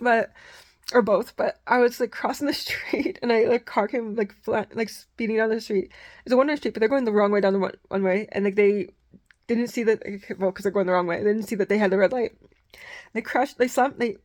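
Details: Woman nearly 39 with Tourette syndrome diagnosed at age 12, who says fast talking is one of her Tourette symptoms and that she stutters and trips over words; she also has vocal tics of squeaks and mimicked noises; rapid speech with disfluency in Tourette syndrome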